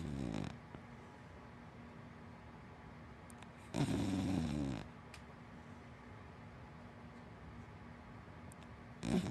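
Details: Hana, a big black wiener dog–black Labrador mix, asleep and snoring: loud, rattly snores spaced several seconds apart with quiet breathing between.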